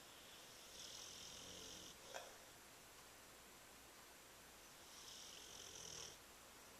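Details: Sleeping pet lightly snoring: two soft, hissing breath sounds a few seconds apart over steady room noise.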